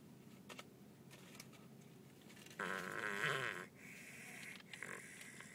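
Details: Baby snoring while asleep in a car seat: soft noisy breathing with one louder, rattling, buzzy snore-like breath in the middle.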